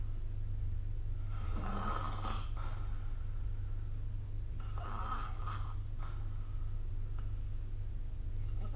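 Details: Snoring recorded with the SnoreLab phone app: two rough, rattling inspiratory snores about three seconds apart over a steady low room hum during sleep.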